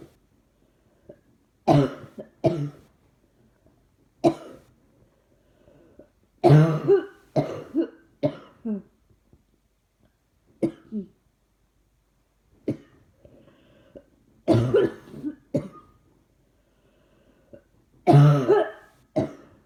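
Repeated dry coughing in short clusters of one to three coughs, roughly a dozen coughs over twenty seconds, with brief quiet gaps between.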